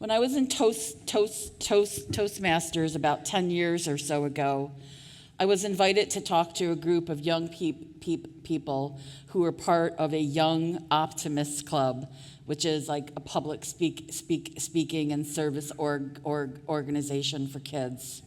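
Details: Real stuttering in an adult woman who stuttered covertly for years before speaking openly; repetitions of sounds, words and phrases are heard.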